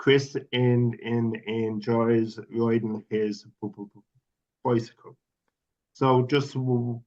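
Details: Adult male speaker; stuttering.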